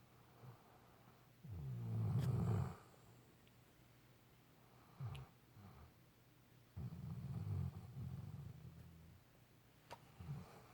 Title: Fenway snoring 2.17.17